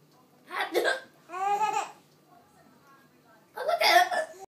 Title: Funny hiccups